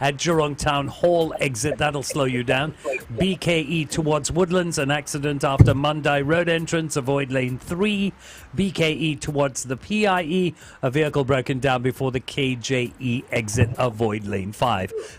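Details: Adult radio host; no disorder.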